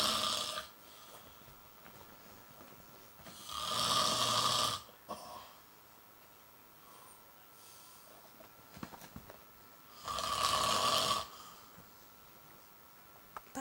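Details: Adult man (husband, who denies snoring) sleeping, with three loud, rasping snoring breaths about every six seconds in a quiet room.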